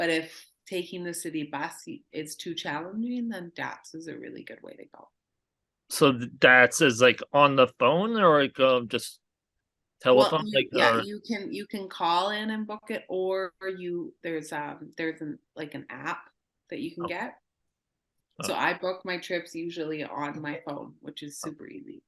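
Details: Adult speaker; conversational speech.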